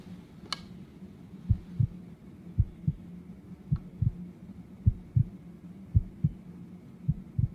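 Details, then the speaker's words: Doctor ASMR role-play exam with stethoscope heart auscultation: regular paired heart sounds at about 55 beats a minute, described as entirely normal with no murmurs, gallops or rubs. "Your heart sounds entirely normal and I don't hear any murmurs, gallops, or rubs."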